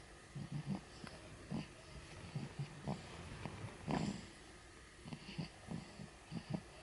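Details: Infant boy about 2 months old, sleeping: soft, low grunting snores and snuffles in short irregular bursts; snoring.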